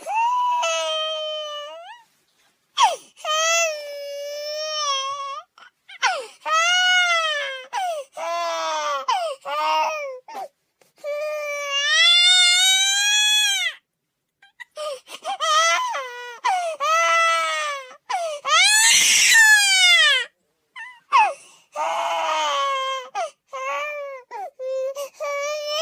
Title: Baby crying sound effect